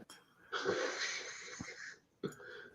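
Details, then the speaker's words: Wife snoring in a quiet room during a live recording: faint, hissing, slightly whistling breath sound lasting about a second and a half, consistent with a nasal snore. "can you hear my wife snoring I wasn't G to say anything"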